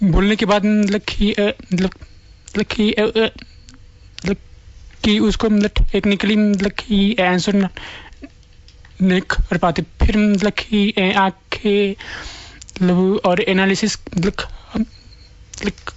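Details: Stuttering in a man who stammers.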